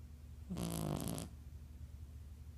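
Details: Single harsh, rattling breath noise under a second long over a low steady room hum; one snore.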